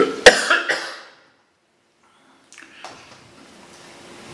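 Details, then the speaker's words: Adult with week-after-week lung congestion following a flu-like illness, no infection this time (earlier episode became pneumonia), on medications to clear lungs, coughing around the clock: a few harsh wet cough bursts, then quiet. "this time there's no infection there's just this endless congestion that causes me to cop 24 hours a day"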